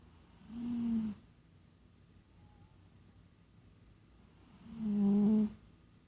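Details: Gentle snoring: two soft, low snores about four seconds apart with quiet pauses between, roughly 15 breaths a minute.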